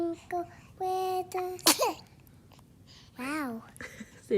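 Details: A sharp, high little sneeze from a baby amid babbling and an adult's voice; an ordinary infant sneeze.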